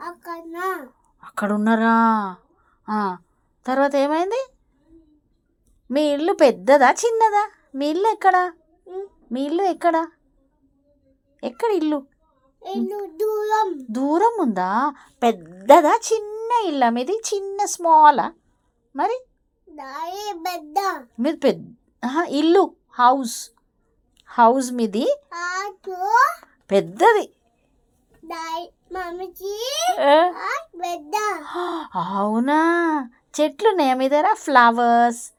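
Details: Conversational Telugu speech with a therapist from a 3-year-old child with a cochlear implant, after one year of auditory verbal therapy.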